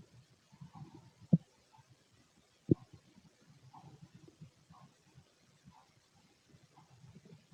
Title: Male stomach growls